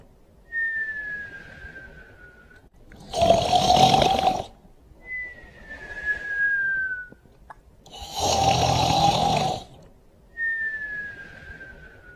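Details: Snoring with whistling during sleep: a thin falling whistle on one breathing phase alternates with a loud rough snore on the other, repeating about every five seconds.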